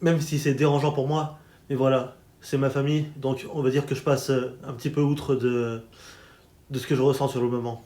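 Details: Adult French-speaking man with daily-life stuttering, worse under stress; repetitions audible (stuttering).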